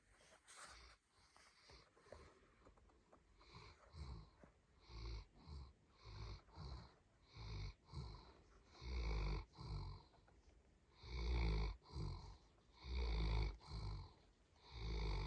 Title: Snoring dog